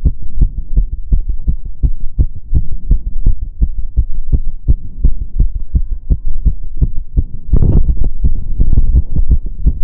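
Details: Own heart sound while doing step-up exercise: rapid, regular, strong heartbeats with low thumping throughout and no pauses; exercise tachycardia, a fast normal heartbeat.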